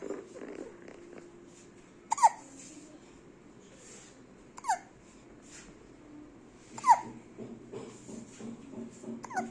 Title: HICCUPS